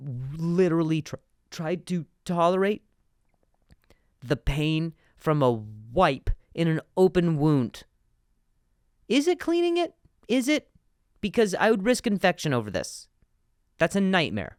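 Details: Stuttering in an adult male comedian, with word repetitions.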